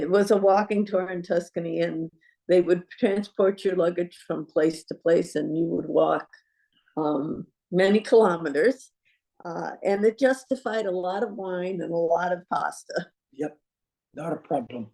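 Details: Adult woman speaking; normal speech.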